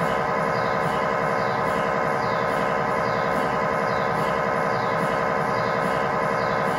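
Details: Loud continuous electronic buzzing with a steady repeating pulse, about 92 a minute; MRI scanner noise inside the room during a lower-leg tibia/fibula test scan with a GE high-definition lower extremity coil in a controlled setting.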